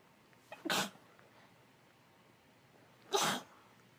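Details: Female with a cold in a series of 20+ sneezes with sniffles and stifles: two sneezes about 2.5 seconds apart, each a quick in-breath and a sharp burst, faint room hiss.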